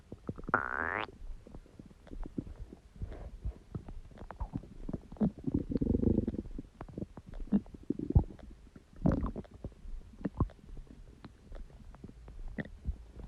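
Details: Irregular gurgling, bubbling and low rumbling bowel sounds with a brief squeaky gurgle at the start: stomach growling (borborygmi).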